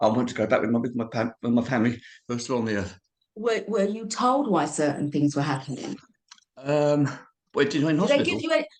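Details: Adult man of about 51–52 with cerebral palsy, also living with HIV, speaking about his own long-standing speech impediment: dysarthria due to cerebral palsy.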